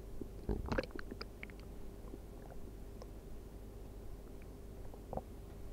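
Irregular gurgles, squelches and soft clicks over a quiet hiss; stomach growling from an empty stomach, a normal bowel sound.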